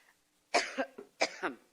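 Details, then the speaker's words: Adult woman in a recurring coughing fit: a quick run of harsh, throaty coughs, with hoarseness and throat clearing noted by an ENT specialist. "well there are a couple of things it's not just cough there is some hoarseness there's some throat clearing"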